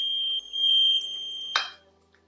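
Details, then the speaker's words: Invacare Perfect oxygen concentrator alarm test: pressure equalization valve coil disconnected, triggering continuous alarm with red indicator light and compressor shutdown; steady high-pitched electronic tone, then click and silence. "At the same time, the compressor was automatically shut down. The continuous go alarm is also accompanied by a red indicator light."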